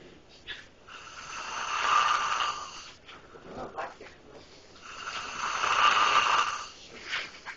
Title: My cousin snoring LOUD!